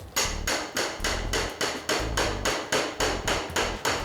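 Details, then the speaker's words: Hip replacement demonstration on a model bone with no surgery that day: steady, sharp mallet blows, about 214 a minute, driving a temporary femoral broach to prepare the implant space, shown as the conventional method before a powered impaction device. "임플란트가 들어갈 공간을 준비한다라고 이해를 하시면 됩니다 이런 임시 임플란트 또는 이거는 꿀 같은 거죠 원래는 원래는 이렇게 망치를 사용해서"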